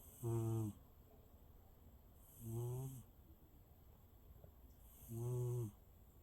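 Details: Cat sleeping contentedly: three even, buzzing snores on each breath in, about 25 breaths a minute, with quiet between them; steady snoring during sleep.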